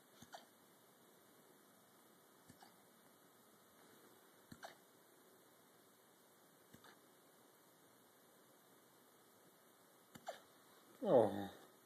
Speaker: Do you have the hiccups?